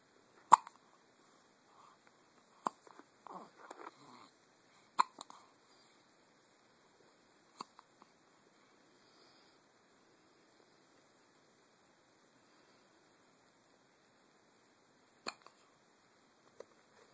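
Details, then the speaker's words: Soft, abrupt hiccups recurring irregularly, about six in seventeen seconds, in a quiet room. "Somebody has the hiccups."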